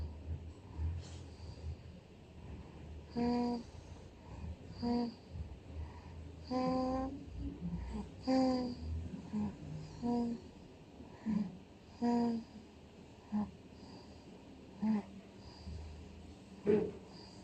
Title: Snoring Baby #shorts #short #shortvideo #shortsvideo #viral #viralvideo #viralshorts #funny #love